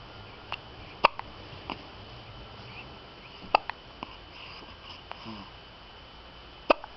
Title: Hiccup.wmv